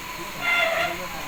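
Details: Steady airy hiss of an emergency-ward BiPAP/CPAP machine, set at about 20 cm water, blowing air through a face mask during a basics demonstration, swelling briefly mid-clip: CPAP airflow hiss.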